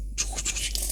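A brief, loud, harsh airy hiss, an imitation of the normal high-pitched tracheal breath sound heard over the neck.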